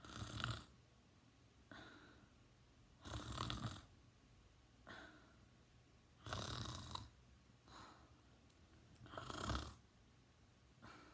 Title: Teen boy snoring!